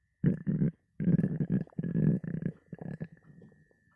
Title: Stomach growling hungry